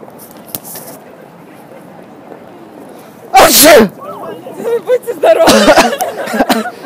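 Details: Sneezing prank, possibly staged: a loud, sharp sneeze burst, then voiced exclamations and apologies, and a second sneeze-like burst over quiet room noise.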